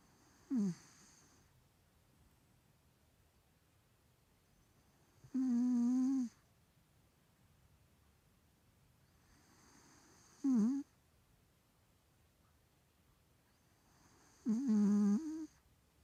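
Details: 3-year-old male Maine Coon cat with a bad nose snoring: four short, whistling, pitched snorts about fifteen a minute.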